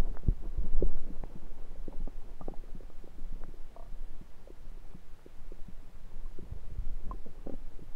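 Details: Frequent low gurgles and irregular bubbling clicks, recorded over the recorder's own abdomen with a USB stethoscope; active ordinary bowel sounds.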